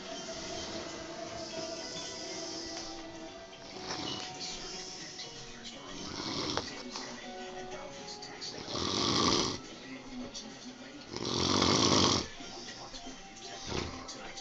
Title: Buddy snoring and blowing spit bubbles!